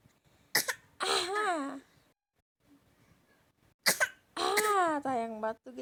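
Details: Young child's acted, exaggerated, playful coughing: a sharp burst, then a drawn-out, voiced, pitch-falling cough.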